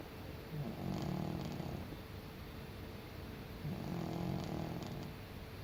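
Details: Senior cat snoring while asleep on a windowsill in the sun: soft, low rattling snores on each breath, two clear cycles in a few seconds.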